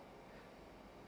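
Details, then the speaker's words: Brief loud steady rushing hiss as the oxygen flush valve is pressed on a Veta 5 veterinary anesthesia machine during a manual rebreathing-system pressure test; the bag fails to fill because the ACGO button was deliberately left on. "fill this up you hear there is a hissing noise so oxygen is Flowing but the bag is not feeling what's going on"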